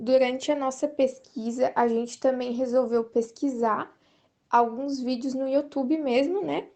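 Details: Adult female speaker; typical speech.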